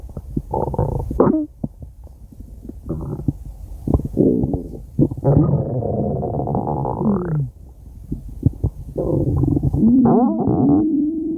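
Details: Stomach growling (borborygmi): loud, drawn-out gurgling and creaking rumbles with rising and falling squeaky tones.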